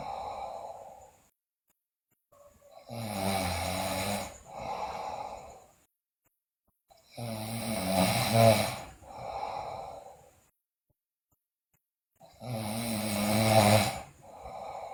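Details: Loud, rough snoring in a sleeping girl, snores on each in-breath with quiet pauses between, about 12 breaths a minute; also noted bruxism and delirium.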